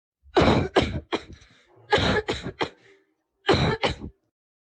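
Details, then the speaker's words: Cough of a healthy individual, for comparison with COVID-19 coughs in AI cough classification: three clusters of two to three forceful, clear, dry coughs without wheeze or rattle. "but it turns out that they can be picked up by artificial intelligence for example here is a cough of a healthy"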